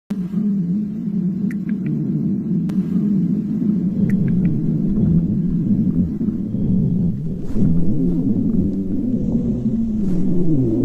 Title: stomach growling